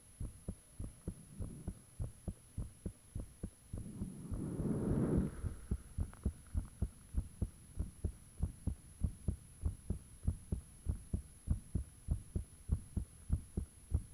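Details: Own heartbeat recorded with the fan off, shortly after it became unusually thumpy: loud, steady low thumps at about 98 a minute with a brief rushing noise partway through; heart sounds.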